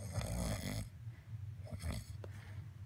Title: My husband snoring part two